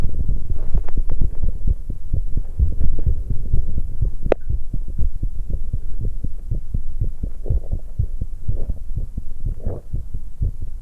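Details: Fast, forceful low heart thumps from a 19-year-old female after exercise, with tea-drinking swallows and stomach gurgles; rapid, unrelenting heartbeat after exercise.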